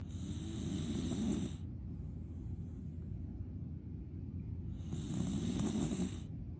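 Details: Black dog sleeping: two loud, rattling snores, each about a second and a half long, separated by quieter breathing; ordinary dog snoring.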